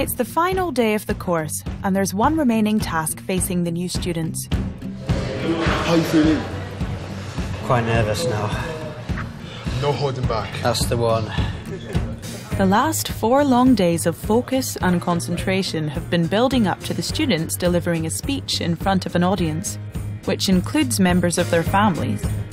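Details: Adult narrator; normal fluent speech.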